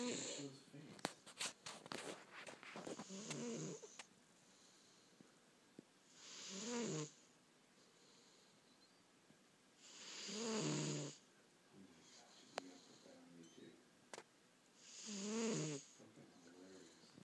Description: My cat boots snores.